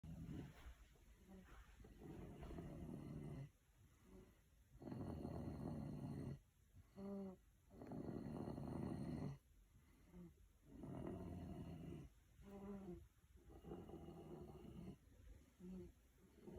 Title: Mama’s not the only one who snores!